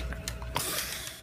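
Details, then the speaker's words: Flat-faced (brachycephalic) dog that struggles to breathe and gets tired and exhausted: short, snorting, noisy nasal breaths. This is stertor of brachycephalic obstructive airway syndrome. "also say I'm quirky because I make these noises"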